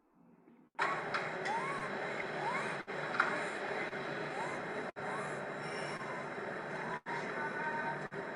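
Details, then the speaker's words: Inspiratory stridor from subglottic stenosis: rapid, high-pitched rising whistles with each breath over loud room noise. "pero el paciente está comiendo cuando escucha el ruido. Es un ruido entrecortado, es un estridor de tipo inspiratorio."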